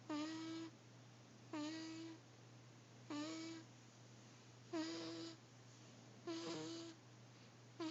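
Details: Cat snoring in regular, tonal, whistly sounds about 39/min, each half a second long, over a steady low hum.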